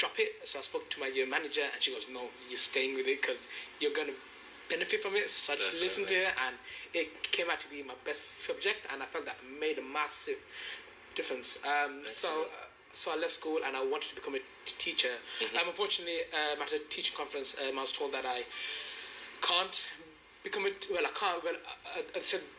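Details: Stuttering in an adult man who has stammered since age four and first got support at 19; he now teaches maths and runs sessions for pupils who stammer.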